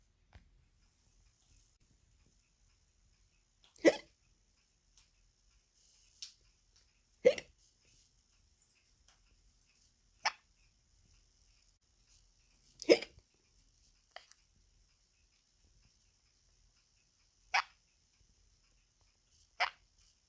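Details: Sun conure parrot imitating its owner's hiccups: short, sharp hiccup sounds at irregular intervals, partly the parrot's copy of human hiccups.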